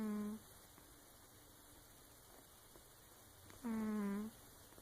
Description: Garth, sleeping on top of our sofa, making strange noises while he was sleeping...